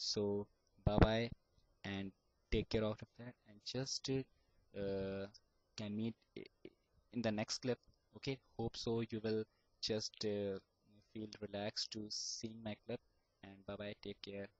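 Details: Adult male student who has stammered since age 5 and still stammers: stuttering.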